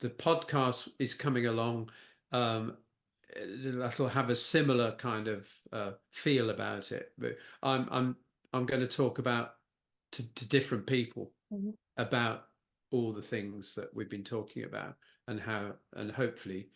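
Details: Post-stroke aphasia with word-finding difficulty in a man who had a stroke (a brain bleed affecting Broca's area) at age 69.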